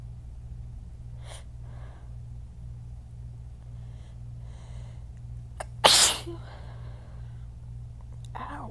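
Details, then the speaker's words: Strong sneezes described as burning and hurting the throat, with a low pollen count, assumed due to the weather change: a single forceful, explosive sneeze after soft breaths, over a steady low room hum; sneezing. "Ow. These are hurting my throat. These hurt my throat like bad. Ow. Oh. And there is no pollen, so I don't even know what's going on."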